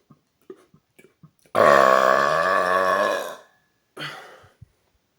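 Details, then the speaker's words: Person drinking 1.25 liters of Coke Zero: several small clicks, then a long, loud, deep belch of nearly two seconds and a shorter second one; burping. "wow that was a mix of fizzy and loud I love it"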